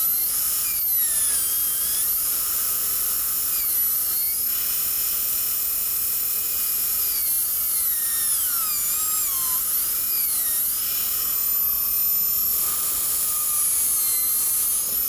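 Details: Steady high-pitched dental drill whine, dipping and rising in pitch, as a 170-L carbide bur refines ledges and cuts pin recesses during preparation for a three-unit maxillary anterior bridge; patient with congenitally missing lateral incisors; dental drill.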